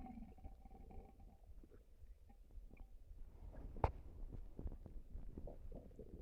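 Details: Low, gurgling rumbles with bubbly pops and a sharper squelch partway through, then a burp at the end: stomach and bowel gurgling (borborygmi).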